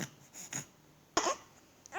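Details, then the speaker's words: Child coughing, who says they stayed home from school because of the cough and blames it on playing with a younger sibling; a few short, sharp coughs, one louder burst among softer ones, quiet room noise between. "Jadi aku nggak sekolah karena aku batuk. Aku batuk karena aku main-main sama adikku."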